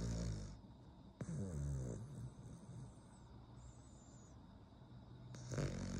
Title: #cute #snoringasmr #dog How a dog snores. A snoring Cavalier King Charles Spaniel.